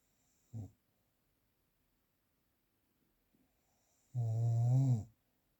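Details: Real recording without post-processing: a short snort, silence, then one long, loud, vibrating snore on a breath in; snoring.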